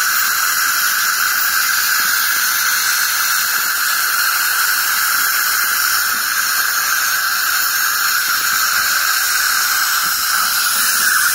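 Steady high-pitched hiss and whine with water spray, typical of an ultrasonic scaler removing tartar from teeth.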